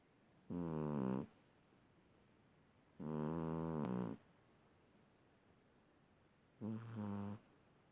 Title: My cat is snoring #funny cats